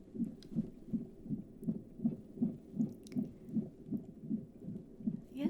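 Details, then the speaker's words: Simulated ASMR roleplay of a first midwife booking appointment in a first pregnancy: fast, regular whooshing Doppler pulses at about 160 a minute; fetal heartbeat described as really strong. "you can hear the heart beat it sounds really strong okay"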